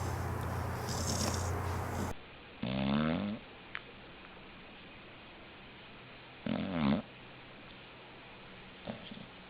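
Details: Sleeping dog: two drawn-out rattling snores against steady room hiss: snoring.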